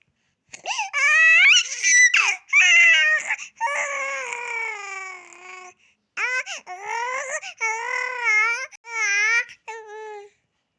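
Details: Crawling baby, tagged as a baby girl: high-pitched, tonal wails in repeated bursts with brief pauses for breath; an ordinary infant cry.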